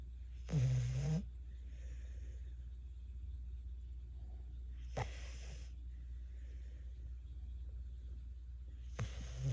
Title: Bentley snoring with his eyes open